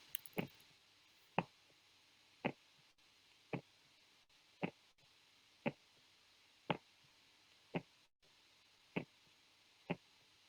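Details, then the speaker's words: Normal heart sounds on stethoscope auscultation, played as a teaching example: steady, evenly spaced beats at about 58 a minute with no extra noise between beats. "Kita akan dengarkan bagaimana jantung yang normal dan tidak normal. Nah, ini yang normal."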